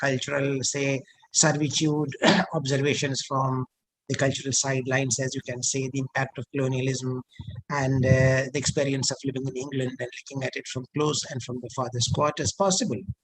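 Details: Adult man speaking; normal voice.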